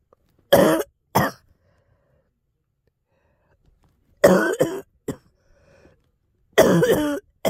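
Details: Girl coughing with throat clearing: three short bouts, about six coughs in all, separated by quiet pauses in a quiet room.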